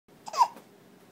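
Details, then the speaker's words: Child with hiccups after eating chocolate ice cream: a single brief, abrupt catch in the breath with a faint voiced squeak in a quiet room; hiccup. "look at the hicups from chocolate ice cream"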